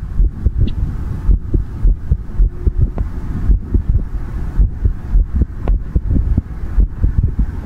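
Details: ASMR heartbeat recording: soft, steady low thumps under a muffled, rushing background; a normal heartbeat of about 60 to 70 a minute with no clear extra sounds.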